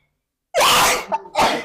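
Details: Sneeze performed as part of a sneezing challenge: a single loud, explosive burst, a short catch of breath, then a second, softer blast of air.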